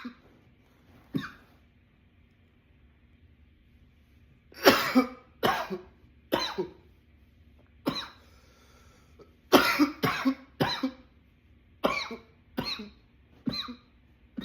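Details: About a dozen repeated harsh coughs, some in quick runs, in a quiet room: a runaway coughing attack.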